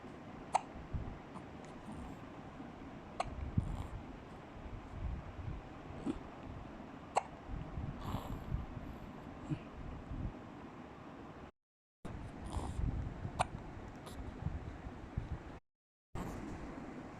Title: Hiccups Time